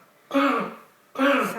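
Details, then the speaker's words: Bulldog puppy with kennel cough and a very snotty nose; two harsh, honking cough bursts, coughing worse when giddy, excited, too warm or too cold; kennel cough. "you can see she's also got very snotty nose there she keeps having bounce of the coughs tends to come on more when she's uh Giddy and excited"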